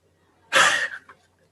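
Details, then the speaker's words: Female monkey observed in the field with a cold, sneezing repeatedly; one sharp hissing sneeze burst followed by a brief soft sound; monkey sneeze. "And so this monkey got cold and they're actually sneezing just like us."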